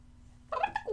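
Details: Woman with Tourette syndrome and echolalia, during a voice-over recording session: genuine vocal tics mimicking environmental and animal sounds, such as clucking, alongside words.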